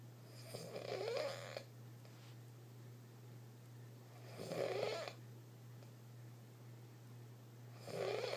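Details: Bandy snoring with a sound like breathing through a balloon; snoring.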